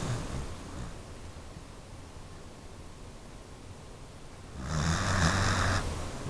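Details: Sleeping pet dog snoring loudly.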